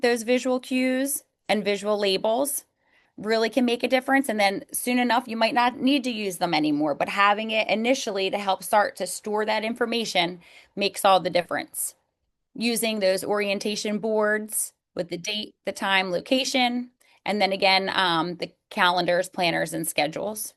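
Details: Adult woman speaking; normal speech.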